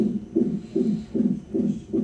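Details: Rapid rhythmic whooshing pulses, about 5 in 2 seconds, from a fetal heart monitor during labor in hospital. The mother has contractions every five to six minutes and was half a centimeter dilated on arrival; the baby girl was born the next day. A fetal heartbeat.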